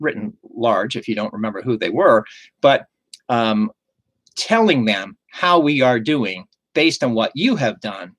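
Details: Adult male stroke survivor with aphasia caused by a stroke; aphasia.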